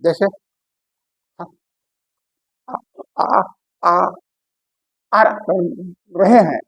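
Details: Imitated stuttering with repetition of an initial syllable, presented as a main feature of speech disorder that is common in children and can persist for life without prompt speech therapy.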